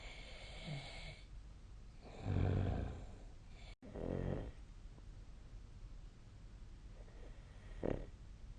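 Low, rough rattling bursts on inhaled breaths, separated by quieter exhalations against steady room hiss; a sleeping adult snoring.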